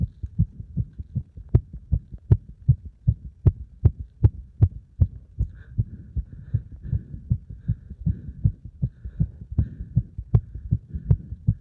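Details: Loud, quick, regular thumping heartbeat of roughly 150 a minute right after hard exercise combining beeper test and squats; normal rapid heart rate after exertion.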